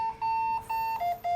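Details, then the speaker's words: Biovent ICU ventilator as ventilation starts: repeating steady electronic alarm tones, sustained beep pattern dropping in pitch at end; red alarm alerts in first four breaths as patient values exceed set alarm limits. "ventilation begins you can see alarm alerts on the main screen in the first four breaths the bio vent tries to fit the values you entered these warnings are symbolized in red"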